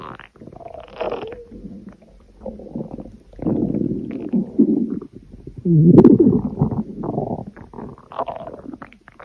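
Long, low, gurgling rumbles that rise and fall for several seconds: ordinary stomach growling from gas and fluid moving through the gut.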